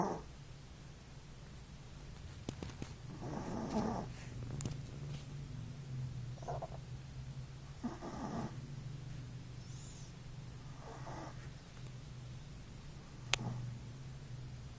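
Soft, irregular low snoring breaths with gentle snorts over steady low room hum; ordinary snoring in a sleeping small dog.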